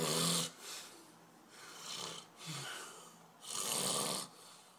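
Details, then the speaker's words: Snoring played during a podcast as a quiz on whether it is human or animal; source not stated. "J'ai oublié de te prévenir, durant ce podcast, nous serons interrompus par des ronflements. Euh à toi d'identifier s'il s'agit d'un ronflement humain ou animal."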